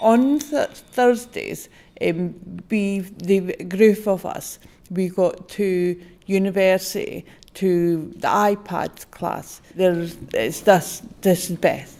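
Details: Member of an aphasia group for people who, mainly after stroke or brain injury, find it hard to connect with words when speaking; aphasia.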